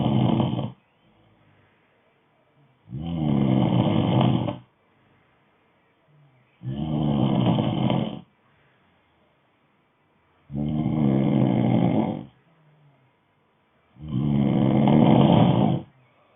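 Loud, regular rattling snores on each inward breath, about 15 breaths a minute, with quiet exhalations between; habitual snoring.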